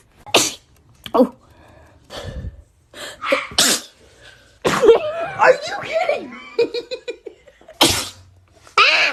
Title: Beautiful TikTok girl sneeze